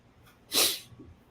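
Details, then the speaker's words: Adult radio host, self-described total mess with allergies from Saharan dust, sneezing and uncomfortable, voice affected; sneeze. "let me apologize from early o clock I am a total mess with my allergies with this dust oh yeah I'm I'm sneezing I'm I'm uncomfortable"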